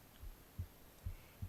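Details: Soft, dull low lub-dub thumps over faint hiss, a heartbeat recorded on the left side of the chest. Heartbeat.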